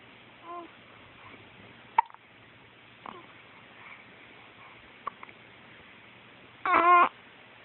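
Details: Brief, sharp, isolated little catches against a quiet background while resting, with a short vocal squeak near the end; hiccups.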